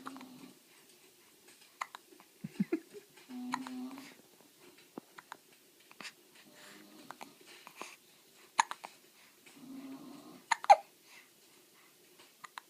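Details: Hiccups: quiet, brief, sharp catches repeating at irregular intervals with soft vocal sounds between them; a fire is in the background.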